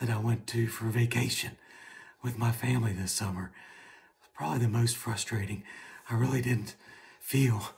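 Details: Adult man with right vocal fold paralysis from nerve injury during partial thyroid removal about seven and a half months earlier, after two vocal fold injections, recorded before medialization laryngoplasty with Gore-Tex and arytenoid adduction; unilateral vocal fold paralysis.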